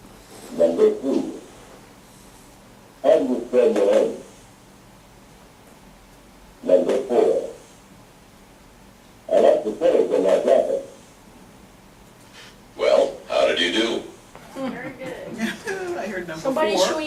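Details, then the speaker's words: Simulation of high-frequency hearing loss in adults: four sentences with high-frequency tones filtered out, so speech sounds muffled and the words are unclear. "you will hear four sentences however they will not sound normal to you since some of the high frequency tones have been filtered out"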